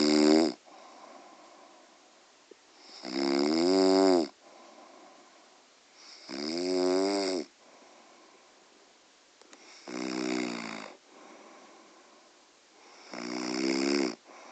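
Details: Mother snoring in sleep: loud, buzzing snores on each breath, about 18 breaths a minute, with quieter breathing between them.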